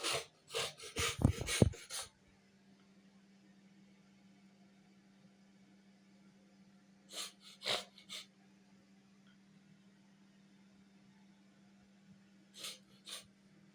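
A burst of loud explosive sounds, a sneeze with rapid sniffs, then quiet with a steady hum and a few short sniffing bursts.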